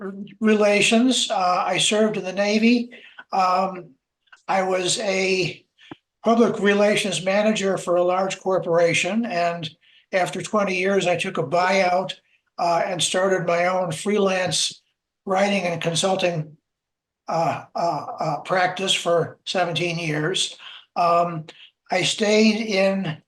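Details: Adult man who identifies as a person who stutters; stuttering.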